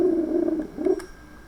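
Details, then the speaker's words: Hepatic vein spectral Doppler audio in a patient with hepatic steatosis (fatty liver): low, steady whoosh with little rise and fall, waveform dampened, near biphasic to monophasic; dampened hepatic vein Doppler flow. "la esteatosis hepática puede causar cambios en el flujo como es éste el caso y así se escucha no hay variación está amortigua de esta onda"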